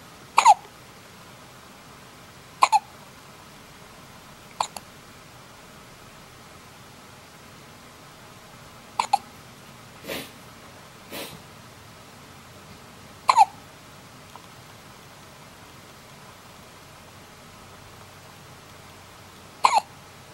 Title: Baby Can't Stop Her Hiccups